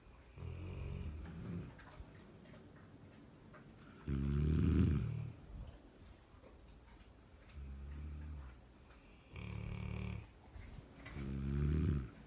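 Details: Labrador dog and a woman snoring together while asleep: deep, buzzing snores at regular intervals, about five over twelve seconds, with quiet pauses between.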